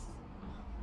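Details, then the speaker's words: Adult imitating a snore on request during flexible nasal endoscopy for snoring and sleep apnea; brief low fluttering rumble. Allergic patient with narrow nasopharynx, normal tongue base, likely nasal origin, past smoking. "Şimdi tekrar horlar yapalım"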